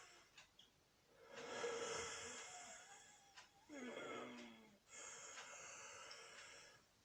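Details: An adult with a cold in an intense coughing fit: harsh, noisy coughing in three long bursts, with rough, wheezy breathing between them.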